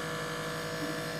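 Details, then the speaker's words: Old nebulizer compressor, powered from a 5-volt adapter and being repurposed as an aquarium air pump, running: steady buzzing hum of a small motor and pump sucking air in one opening and pushing it out the other. "you can have it running and I can tell that this is sucking air from this side and this is throwing you in this direction so"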